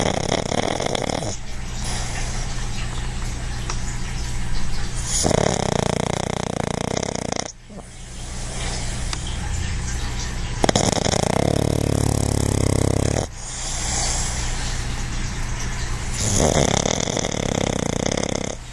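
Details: Dog (Quincy) napping, relaxed: very loud, deep, rumbling snores with harsh vibrating inhalations, about four breath cycles in 19 seconds; heavy snoring.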